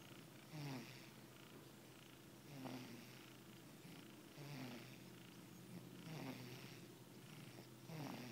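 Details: Cat resting after feeding; soft, rhythmic rattling snores about 30 breaths a minute, easily mistaken for purring: snoring.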